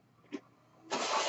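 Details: Mechanical ventilator sound from the speaker's own ventilator, heard while an adult born in the mid-1980s talks on a podcast recording.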